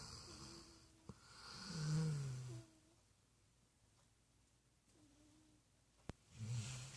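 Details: Dog and cat sleeping together, quiet low snoring and whistling breath sounds with faint clicks in the room; pet snoring.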